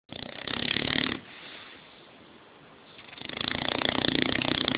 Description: Like only an English Mastiff can snore. I must add however, that no microphone can truly capture the rumbling that occurs, there's a lot of low missing in the audio.